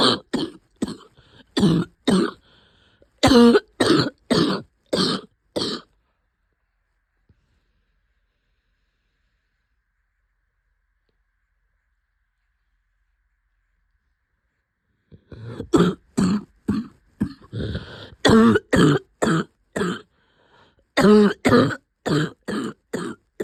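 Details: Two long runs of rapid, forceful coughs separated by silence, from a person with a cough lasting a few months that turned out to be pneumonia: pneumonia cough.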